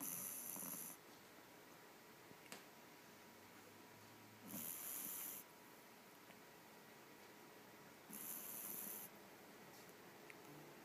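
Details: A sleeping foster puppy snoring soundly with soft hissing snores, about 17 breaths a minute, in a quiet room.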